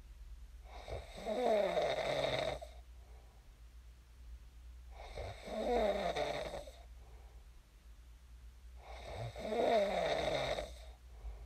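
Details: Real recording of a person snoring in their sleep, shared as snoring ASMR: loud rattling snores on each in-breath, about 15 a minute, with quiet out-breaths between.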